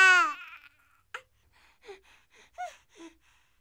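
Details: A royalty-free sound effect of a brief infant cry burst, followed by soft whimpers and fussing: a light, short baby cry.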